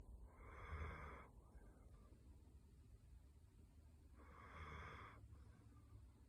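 Two slow, drawn-out snoring breaths about three seconds apart, over steady low room rumble.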